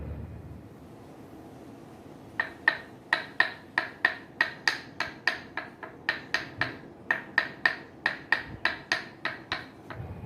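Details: Rapid sharp wooden knocks, about 220 a minute, in uneven runs: Northern Thai traditional tok sen, mallet tapping along muscle lines, on a patient with cerebral artery stenosis, after massage to clear the lines.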